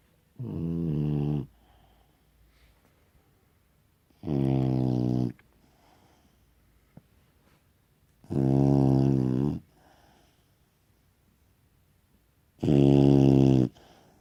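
Four loud, droning snores about four seconds apart, roughly 15 breaths a minute, with quiet pauses between; a dog snoring in sleep.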